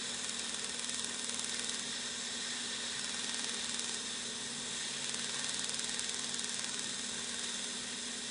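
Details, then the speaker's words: Steady soft hiss with fast, regular ticking, about four pulses per second, from a dental laser sculpting and shaping gum tissue for smile aesthetics after spot probing. The ticking is the pulsing of the laser energy. "part noise you're hearing on the laser is actually the pulsing of the laser energy itself"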